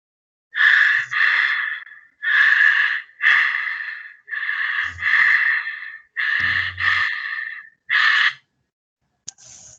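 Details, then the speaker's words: Kussmaul breathing, demonstrated in a respiratory semiology seminar: loud, deep, fairly regular breaths at a fast rate, similar to tachypnea but deeper, as acidotic patients compensate by lowering carbon dioxide. "y tiene un sentido porque estos pacientes están en estado acidótico y lo que buscan es compensar la acidez al disminuir la concentración de dióxido de carbono, ¿no? Entonces sería así. Vemos que son similares, ¿no? Pero estas son más profundas."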